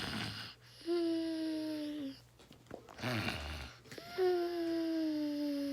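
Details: Snoring: long, high whistling tones repeating on each breath with short gaps between, a whistling snore.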